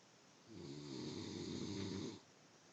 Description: The snore...can you beat this?